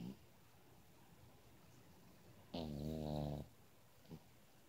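One drawn-out, buzzing snore in a quiet room, followed by a short faint breath sound.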